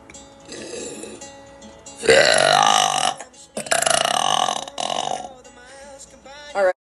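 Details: Compilation of girls burping on live streams: several long, loud, voiced belches over background music.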